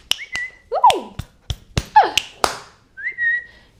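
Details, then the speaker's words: Girl with Tourette's making brief whistling bursts, sliding whistled tones and sharp clicks; whistling vocal tic. "pretty much it would just be like little things like whistling saying wow"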